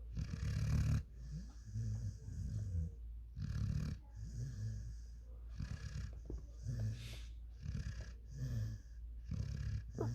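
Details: 5-month-old German Shepherd x African Boerboel dog asleep, with deep, rumbling snores in regular cycles, about seven in ten seconds, and softer rattling between them: snoring.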